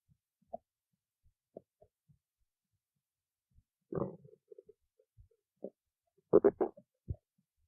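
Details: Stomach growling (borborygmi).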